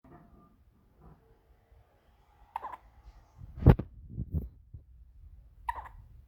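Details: 2-week-old baby girl settling to sleep in a quiet room: four or five short, abrupt catching sounds about a second apart; newborn hiccups.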